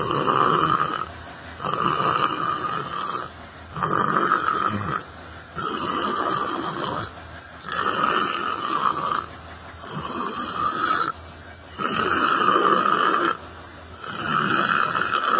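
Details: Person sitting on a bench at a library, sleeping: loud, harsh, regular snoring roughly every two seconds, with brief quiet gaps between; steady snoring during sleep.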